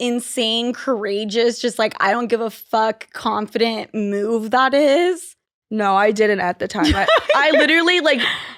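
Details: Adult woman speaking; typical speech.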